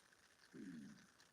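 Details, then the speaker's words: Adult livestream host's stomach growling loudly ("like crazy"): a low, bubbling gurgle lasting about half a second; borborygmi. "my tummy's like growling like crazy did you hear it"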